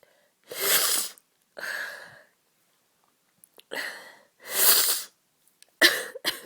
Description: Just caught a bad cold and thought someone out there might enjoy all the sneezing.